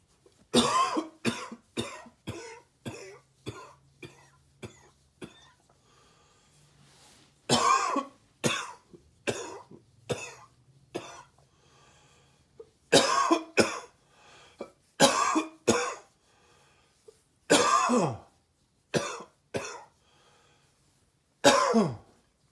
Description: I don't really have a cold, but the sub zero temperatures choke me up sometimes.